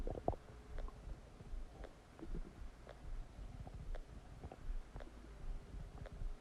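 Low gurgling rumbles and soft squelches come and go over a quiet background: bowel sounds of digestion after a meal, a normal finding.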